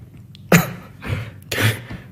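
An adult gives a sharp, explosive sneeze followed by two softer breathy bursts in a small room.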